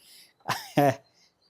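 A short, isolated adult cough followed by a throat-clearing sound, with no sign of distress.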